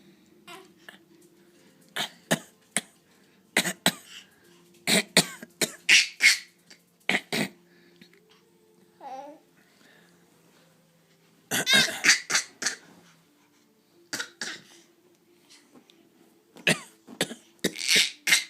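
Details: A young child makes repeated short, breathy coughing sounds in quick bursts, copying his dad's cough: imitated cough.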